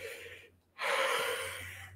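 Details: A brief pause, then a loud rushing breath heard through a stethoscope with a low hum underneath, as a person is asked to breathe while the stethoscope, received in a mail shipment, is tested.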